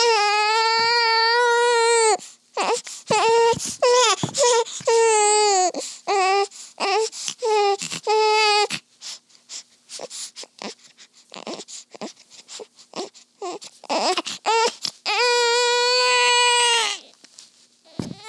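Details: Newborn daughter crying in strong wails broken by short sobbing bursts and whimpers, then a final long wail, recorded around her first feeding; ordinary healthy newborn infant cry.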